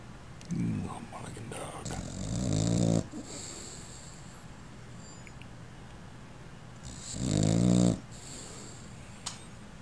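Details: A sleeping puppy snores, with two long, rattling breaths about five seconds apart and quiet between them.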